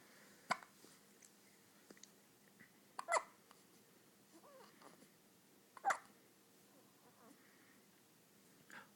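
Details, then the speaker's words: Male infant with hiccups in a quiet room: a few sharp, brief hiccup sounds a few seconds apart, with soft infant vocal noises between them. "You're gonna be brilliant. Do you know that? Change the world, aren't you, buddy? As soon as you get over the hiccups."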